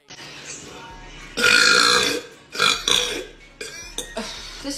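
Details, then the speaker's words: Woman burping loudly after drinking very carbonated soda that hurts to drink; she rarely drinks soda and vomited two days earlier. About three rough, drawn-out belches, and she dislikes when they sound airy. "but I hate it when they sound Airy like that"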